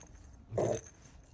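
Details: Baby's single brief soft sneeze, scaring off a nearby Shiba Inu dog, over low room noise; ordinary infant sneeze.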